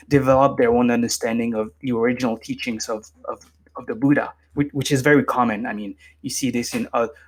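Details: Adult man with lifelong stuttering, formerly severe, now managed with meditation so it is barely audible; stuttering.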